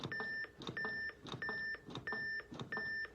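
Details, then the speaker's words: AED left on in an adult training demonstration: after a shock is delivered and CPR begins, it gives regular beeps about 90 a minute to pace chest compressions. It reanalyzes the heart every 2 minutes. The sound is AED beeping during CPR. "And it will continue analyzing the heart every 2 minutes and offering another shock. So once you turn it on, you never shut it off. We're just going to kind of let you hear that beep, but that's how you use an AED."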